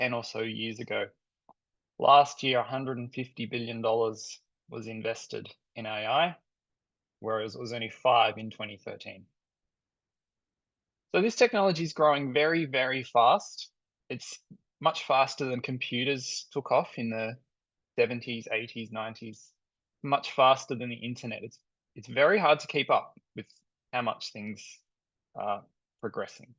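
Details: Adult male speaker; normal speech.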